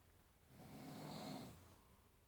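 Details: Adult man's snoring recorded by his wife around midnight to show how loud it is: a single low, rumbling breath swelling and fading over about a second, in a quiet room.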